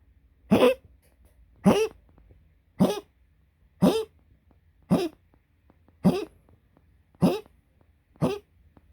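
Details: Dog coughing: eight short, harsh coughs in a steady series, roughly a second apart.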